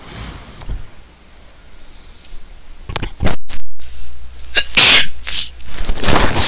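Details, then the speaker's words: A powerful sneeze: a short catch of breath, then a loud, forceful explosive burst of air and a noisy exhale over a low steady hum. "there if you could hear that powerful powerful sneeze so powerful like it blew the ants away for Miles blew the ants away"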